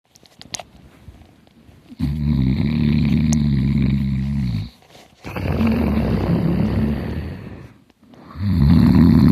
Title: me snoring hard